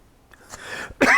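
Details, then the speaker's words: A single short, harsh cough from an adult man in a small quiet room, his voice and coughing attributed by himself to hay season in Tennessee. "So, and you'll have to excuse my voice and coughing. It's still hay season here in Sequatchie Valley, up in Tennessee."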